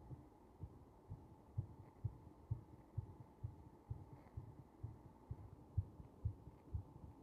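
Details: Slightly slow, regular low heartbeat thumps over a steady low hum, recorded during compression.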